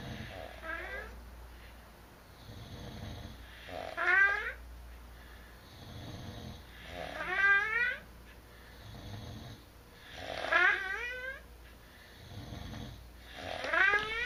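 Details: Rhythmic snoring from sleeping parents, about 19 breaths a minute, low rumbles alternating with squeaky, whistling sweeps; both reputedly snore very loudly: snoring.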